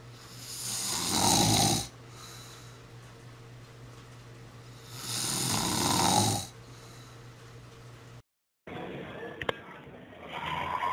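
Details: Snoring in a person who reports obstructive sleep apnea: two loud, rough, rattling snores on the in-breath, about 13 breaths a minute, with quiet pauses between.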